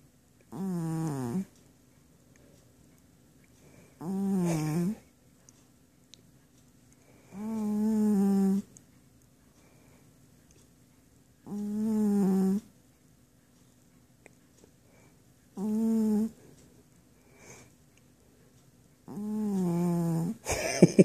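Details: Sleeping male cat snoring, with rhythmic rumbling snores about 16 a minute and quiet pauses between; the owner says the fart-like sound is real, not faked.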